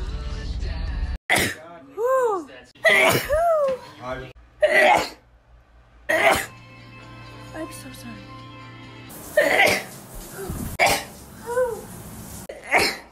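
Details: Sneeze compilation: several sharp bursts of air, each often led by a rising, breathy build-up, with music in the background; a series of sneezes.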